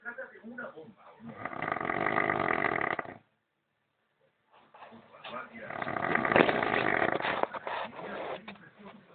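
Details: Loud, harsh, rattling snores in long bursts with a brief quiet pause between, during sleep: snoring.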